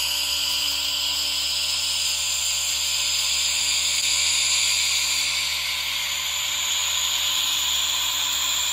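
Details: ASMR relaxation recording of a nebulizer running alongside a humidifier: a steady, even misting hiss over a faint, constant electrical hum, with no breaks or pulses.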